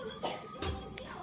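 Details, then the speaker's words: Cough of a child, heard at home; his mother draws attention to how he is coughing and says his vaccination will probably be called off. "Слышите, кашляет как?"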